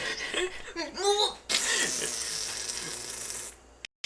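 A rising intake of breath followed by a sharp, hissing sneeze burst that trails off.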